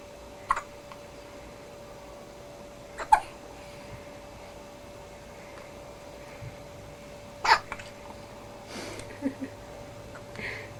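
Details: Baby with hiccups, recorded 2003: soft, brief hiccup sounds repeating irregularly, about four in ten seconds, over a quiet room hum.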